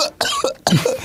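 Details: Two or three harsh, voiced coughing bursts running straight on from hard laughter: a brief laugh-induced coughing fit in an adult man.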